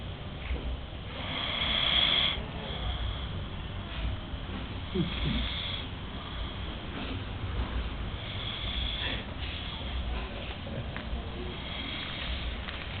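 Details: Continuous rough, fluttering upper-airway snoring with snorts during sleep over steady background noise.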